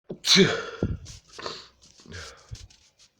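A loud explosive sneeze, then several smaller sneezy bursts and breaths in quick succession.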